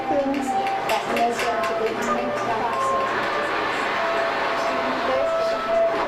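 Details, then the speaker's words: Simulated mild hearing loss: a professor's lecture in class, as heard by a student with mild hearing loss, sounds muffled and hard to follow, with noisy room sound behind it. "you're probably wondering how bad can a mild loss really be listen to the following simulation and pretend that you're the student with mild hearing loss listening to your professor speak during class now"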